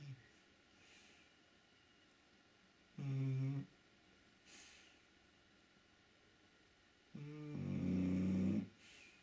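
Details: Shar-Pei dog snoring while resting warm beside a radiator: two loud, low, rattling snores a few seconds apart in a quiet room. Typical dog snoring.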